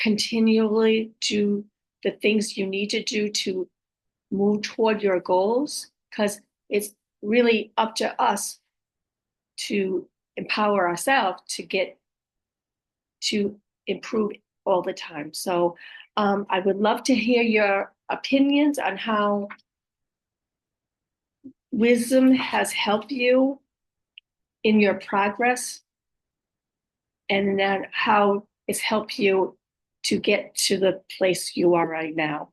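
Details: Aphasia with apraxia of speech and dysarthria following a stroke in an adult woman, who says her speech can be hard to understand at times.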